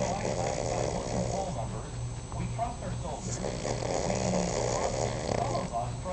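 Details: Cavalier King Charles spaniel snoring in sleep, owner thinks it was dreaming: continuous loud, rough, fluttering noise with rapid vibration during breathing; heavy snoring in a small dog.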